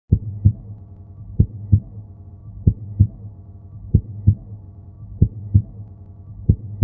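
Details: Slow, regular paired lub-dub heartbeats at about 46 a minute from a loud human heartbeat sound-effect recording; normal heart sounds.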